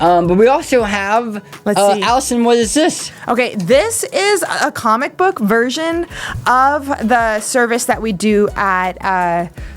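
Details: Adult woman speaking, with a brief introduction by another voice; typical speech.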